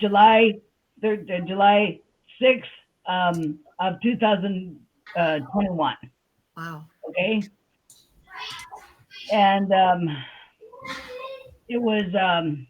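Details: Adult woman with aphasia after a stroke on July 6, 2021; she says she can talk but can't think of the words. Aphasia.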